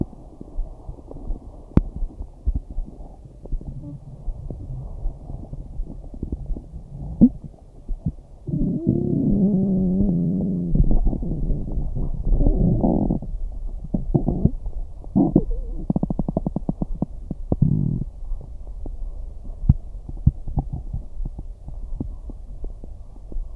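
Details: Her own stomach sounds from digestion or hunger: low gurgling and rumbling abdominal sounds with bursts of rapid bubbling clicks, ordinary stomach growling.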